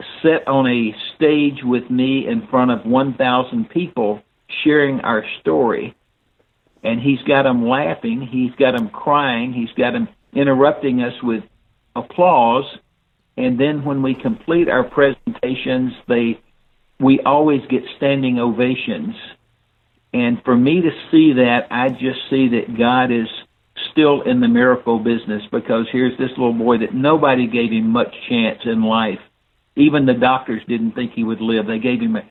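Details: Older adult man speaking; unaffected speech.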